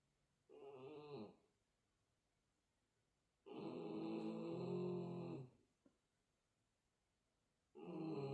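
Loud, droning snores in long bursts about three seconds apart, with quiet pauses between; a small dog snoring heavily.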